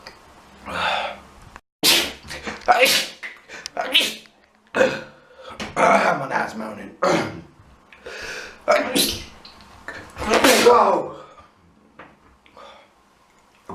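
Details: Person with allergies: a run of sharp, explosive sneezes in quick succession with brief pauses between.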